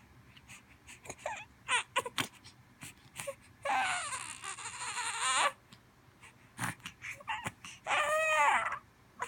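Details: 7-week-old infant fusses with short whimpers, then gives two sustained wailing cries; ordinary infant cry with faint room noise.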